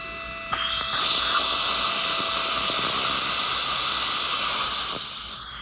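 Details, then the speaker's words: High-pitched steady whine of a 1.5 mm pilot drill running about five seconds into jawbone for placing a 3.0 x 13 mm mono dental implant, one of four at teeth 8, 9, 12 and 13. "okay now we're going to place the other implant so again we're going to use the 1.5 mm highight drill"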